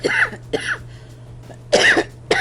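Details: An adult woman with laryngitis and a very hoarse half-voice, who tested negative for COVID Omicron, gives four short, harsh coughs in quick succession over a faint steady hum.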